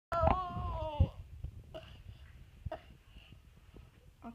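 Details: Cough.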